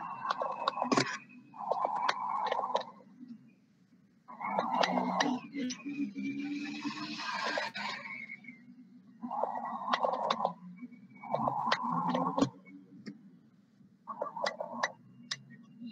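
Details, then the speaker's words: Teaching recording in a pulmonary semiology lesson: breath sounds with coarse, bubbling crackles, like bursting bubbles, through inspiration and expiration, from secretions in larger airways as in bronchitis and bronchiectasis: coarse crackles. "Vocês conseguem ouvir que tem a inspiração, mas no meio tem umas bolhas também?"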